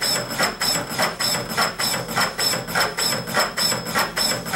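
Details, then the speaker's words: Automatic piston CPR device started in 30:2 mode during a demonstration: steady mechanical thumping of chest compressions at about 100 per minute. "we'll start it in the 30 to2 mode we hit play and it'll start"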